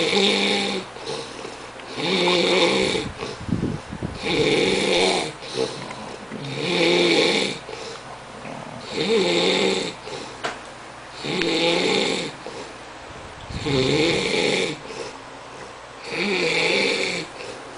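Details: Sleeping person, a house guest: regular loud rattling snores, about 26 a minute, each on the in-breath with quieter out-breaths between: steady snoring.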